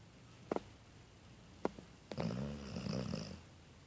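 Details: Dog snoring: a couple of short snorts, then a rattling, fluttering snore on a breath, with occasional outbursts from a person playing a video game nearby.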